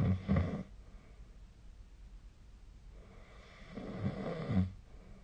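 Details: Snoring during sleep, recorded with a snore-tracking app: two rough, low fluttering snores about four seconds apart, with quiet breathing between them in a still room.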